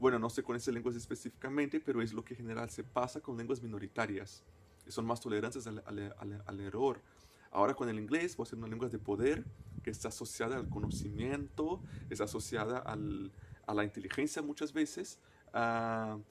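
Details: Stuttering in a person who stutters, a native Portuguese speaker speaking Spanish as a foreign language.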